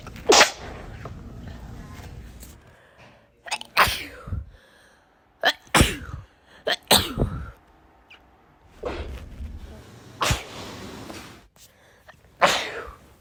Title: Sneezing Compilation!